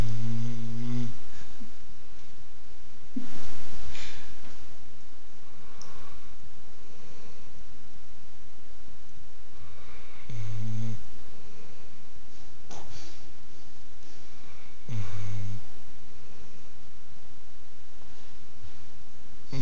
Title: Jazzy Snores